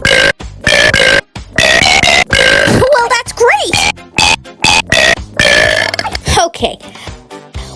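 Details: Person burping deliberately to music: rhythmic voiced belches timed to a children's song playing underneath.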